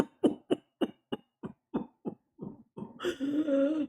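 A rapid run of about ten coughs without a breath between, ending in a drawn-out noisy intake; a whooping cough paroxysm.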